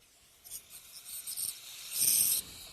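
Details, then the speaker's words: Ultrasonic piezoelectric bone saw during a dental sinus technique, scoring the cortex: high-pitched hissing rasp in short passes, then a louder sustained buzz. "the vertical and the horizontal crestal osteotomies for that I'm going to use the bone saw there it is and uh here we go"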